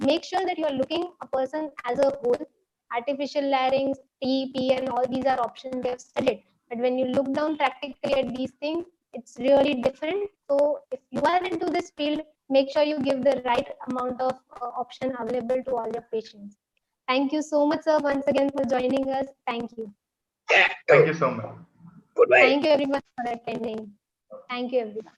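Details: Adult woman speaking, with a brief second voice near the end; Normal speech.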